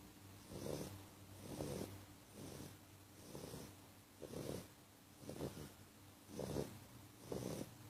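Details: Very loud snoring from JJ; soft, rhythmic, purring-like snores at about 60 breaths a minute, steady, low and even.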